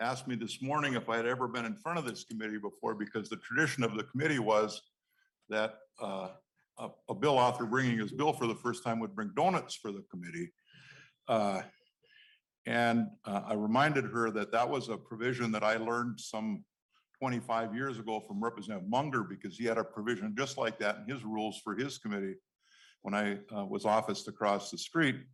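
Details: Adult man speaking; normal speech.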